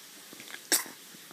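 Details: One short, sharp, hissy burst over quiet room noise: a small child's single morning sneeze while snuggled in bed; sneeze.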